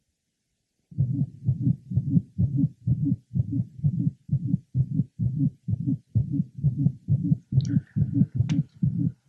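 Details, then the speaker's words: 7-year-old girl with a variant of mitral valve prolapse: faster heart rate with a late apical musical systolic murmur, best heard along the lower left sternal border and apex. "let's listen again to our patient with this late apical musical systolic murmur that is best heard along the lural external water and Apex"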